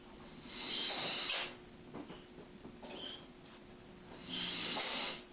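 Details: Snoring during sleep: two long, hissing, high-pitched breaths about four seconds apart, with quieter breathing between them.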